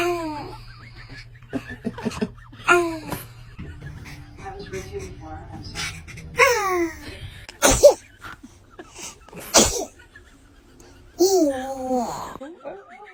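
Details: Ordinary infant sneezing: several sharp, explosive sneeze bursts from a baby, mixed with small vocal sounds and adult voices.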